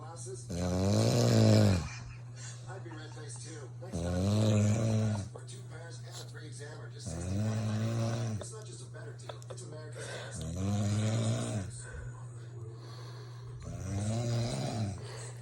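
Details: An adult woman snoring in her sleep at 2 a.m., loud enough to wake her husband and the cat: loud, rough snores on each breath in, about 12 to 15 a minute, with a low steady room hum.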